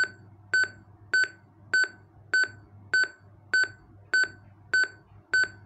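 Regular electronic beeps at about 100 a minute, a defibrillator metronome pacing chest compressions during CPR.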